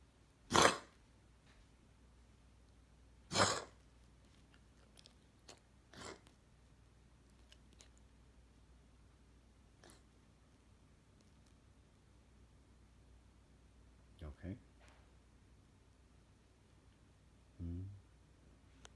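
Two short, sharp coughs from an adult, with a few fainter throat and mouth noises in a quiet room.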